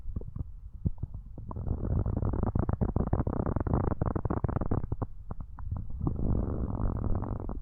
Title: stomach growling